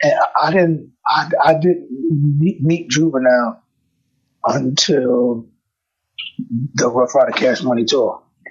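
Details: Adult male rapper with self-described bad stuttering inherited from both sides of his family (father and maternal grandfather stuttered); stuttering.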